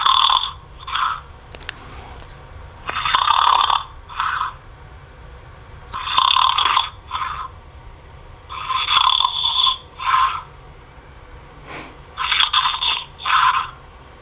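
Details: A person who fell asleep on a phone call for an hour: loud, rhythmic snoring heard through a thin phone line at about 20 breath cycles a minute.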